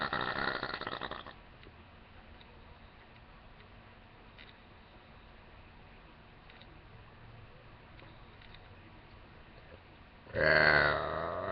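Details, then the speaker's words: Burping after small sips of soda: two loud, rough burps, one at the start and one at the end, separated by quiet room noise. "So, I'm excited. All right, so here's my burp. Oh, I have soda here."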